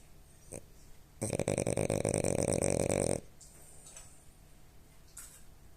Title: Real snoring of the coolest dog #dog #dogsnores #dogsnoring #doglady #frenchbulldog #cooldog